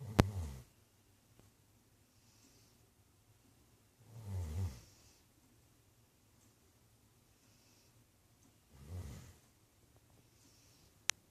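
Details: Spoiled pet lying back on the couch snoring: three low, rumbling snores about every four to five seconds, roughly 13 breaths a minute, with quiet pauses between.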